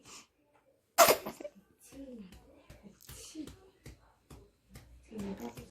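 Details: 64-day-old infant: a single sharp sneeze followed by soft, contented cooing and babbling; an ordinary sneeze.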